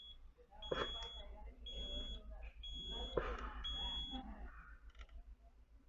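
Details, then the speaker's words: Zoll Eagle II ventilator pressure conflict alarm during a basic-use training demo, set off when the pressure setting was exceeded: repeated high-pitched electronic beeps over machine noise and faint talk. "sobrepasamos entonces nos dice que hay un conflicto en la presión Entonces vamos a modificarlo"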